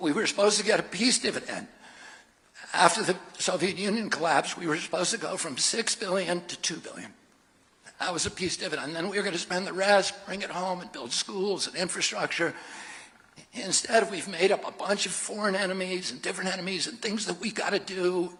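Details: Adult male with spasmodic dysphonia (laryngeal dysphonia), in which the voice muscles contract involuntarily, speaking in a real campaign speech; finding: spasmodic dysphonia.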